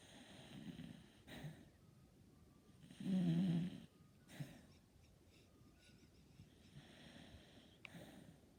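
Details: A pet dachshund snoring cutely while asleep: low, rattling snores on each breath in, with one louder snort in the middle, over quiet room noise.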